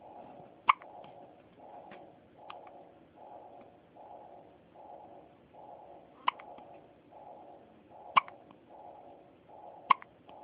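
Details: Infant hiccups: about five sharp, brief hiccup clicks at irregular intervals over a soft, rhythmic whooshing background.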